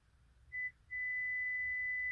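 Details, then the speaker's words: A boy's first school-required play hearing test: a brief pure whistle-like tone, then a steady sustained practice tone, with the child placing a block on a tower when he hears the beep. "listen again you can do it all by yourself this time"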